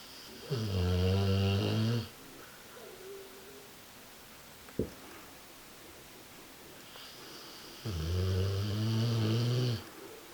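Two long, loud, buzzing snores several seconds apart, separated by quiet breathing and one brief click.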